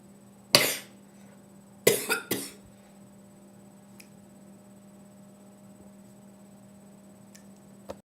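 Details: Four sharp, explosive coughs, one alone then a quick run of three, over low room hum; cough.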